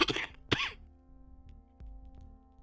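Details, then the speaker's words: Adult with a lingering cold, possibly a mild flu, who says they are wheezing but feeling better: two harsh, loose coughs in quick succession, with faint background music. "i have still been struggling with my cold which i'm hoping is not just a super mild flu"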